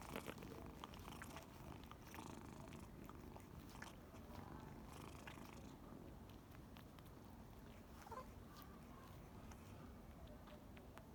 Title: Adorable ginger cat snoring (HQ)